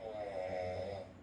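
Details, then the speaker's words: Person snoring at night in a quiet small room while another person records and remarks on it: a single sustained, buzzing snore with a low rumble lasting about a second. "দেখো কিরকম নাক ডাকে আবার বলে আমি নাক ডাকি"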